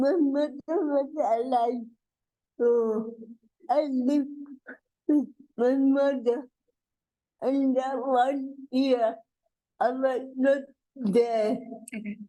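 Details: Adult woman with cerebral palsy whose speech is hard to understand; dysarthria (cerebral palsy).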